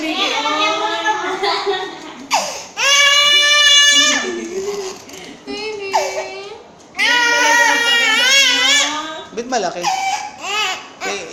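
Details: Baby girl crying during ear piercing: loud, high-pitched wailing pain cries in long bursts with gasping breaths between, adult voices in the background.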